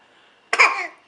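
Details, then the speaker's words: A single short, bright cough burst from an infant, with a vocal, almost laughing quality, possibly a playful put-on cough: cough. "oh my goodness do you have a bad car oh that's a bad cough oh oh such a bad car"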